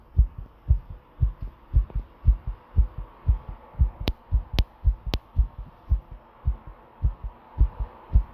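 Strong, regular low thumps at about 115 beats a minute, a fast pounding heartbeat; a few sharp clicks partway through.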